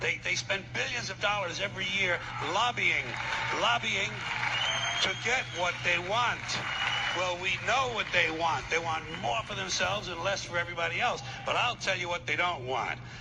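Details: Adult male speaker; ordinary speech.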